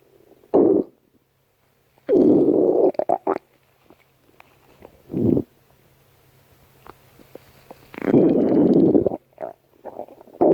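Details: Stomach growling: irregular low gurgling rumbles in bursts of varying length separated by quiet gaps; borborygmi.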